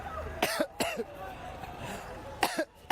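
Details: Three sharp, harsh cough bursts from an adult journalist teargassed at a chaotic Ugandan presidential campaign rally amid shots; reflex irritant cough after tear gas exposure.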